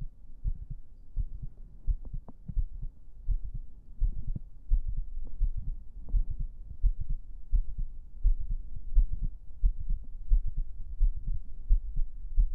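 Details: ASMR stream heartbeat recorded on a 3Dio binaural microphone: soft, steady, low thumping heartbeat at about 86 beats a minute, muffled and close to the microphone.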